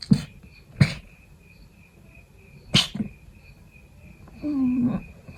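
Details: Several short, muffled stifled sneezes in a quiet room, then a brief voiced sound, from a person still sick (fever gone) with a persistent ticklish nose; repeated stifled sneezing.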